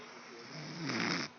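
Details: Loud, rough, fluttering inhaled snore rising in strength toward its end; a wife snoring.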